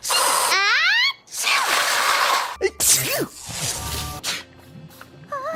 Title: my little pony (fim) sneezing complication